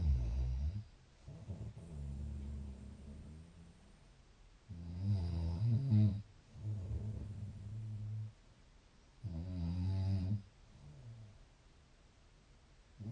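Deep, low rumbling snores on inhalation, three in about 13 seconds, with quieter breaths between; ordinary snoring at roughly 14 breaths a minute.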